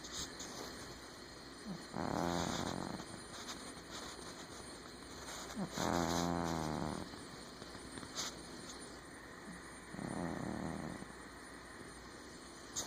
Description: Omg cats can snore??